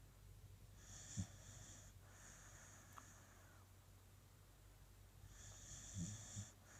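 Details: Beagle sound asleep on a cold morning: soft, low rumbling breaths with snorting bursts and a faint whistling tone over a steady room hum; dog snoring.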